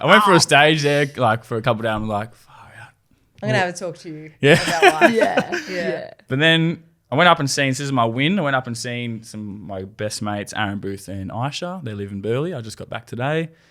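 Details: Adult male speaker; ordinary conversational speech.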